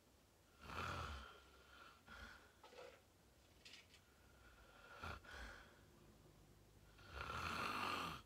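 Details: Adult asleep, fell asleep fast, in deep sleep: rough, buzzing snores recur with each breath, each followed by a quieter pause; loud snoring.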